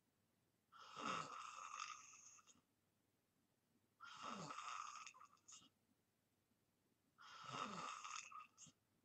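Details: Three rough, rattling snores on inhalation, each about a second and a half long, separated by quiet pauses; snoring during deep sleep.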